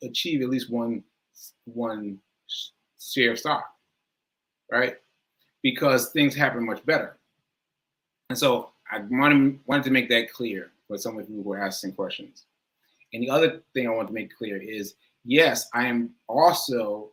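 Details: Self-reported aphasia in an adult, which the speaker says varies from person to person and feels worse on the day of recording; live, unscripted speech with aphasia.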